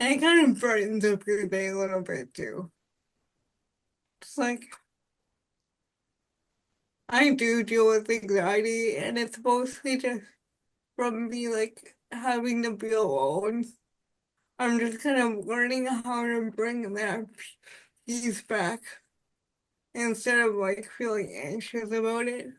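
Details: Adult woman with spastic quadriplegic cerebral palsy since birth, with high muscle tone in all four limbs; speech is harder to understand and voice assistants do not recognize it well; dysarthria (cerebral palsy).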